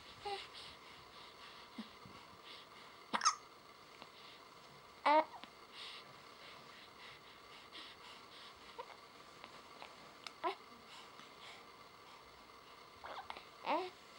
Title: day 40 - Hiccup